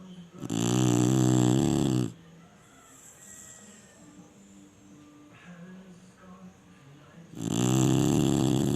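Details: Chinese Shar-Pei dog sleeping: loud, drawn-out rattling snores several seconds apart with quiet breathing between; dog snoring.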